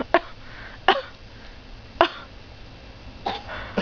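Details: A child mimicking mom gives about five short, sharp pretend coughs spaced irregularly with quiet between; voluntary fake cough.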